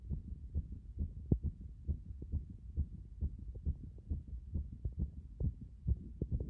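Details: Strong, pounding, fast and forceful heartbeat at about 136 beats per minute, heard after getting out of a bath.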